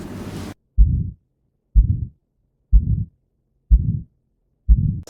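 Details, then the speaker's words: Regular low heartbeats about 61 a minute, each followed by a harsh, coarse, rough systolic murmur, as in aortic stenosis. "بعضی سوفل‌ها صدای هارچ دارن یعنی خیلی کرس و خشنه"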